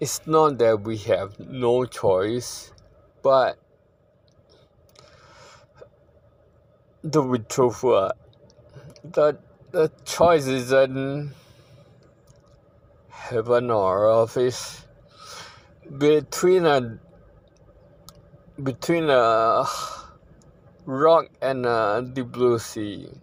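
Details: Ataxic dysarthria in a man living with ataxia, a condition he says worsens over time and across generations, with a poor prognosis.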